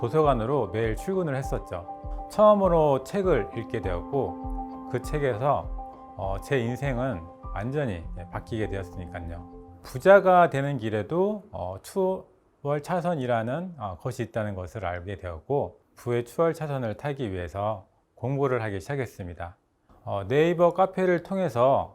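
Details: Adult man speaking Korean; normal speech.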